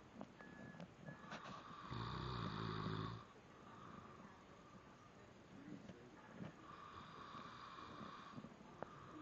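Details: Snoring during sleep, possibly from a cat or a person, with a loud, rough, low snore in the middle over steady room noise.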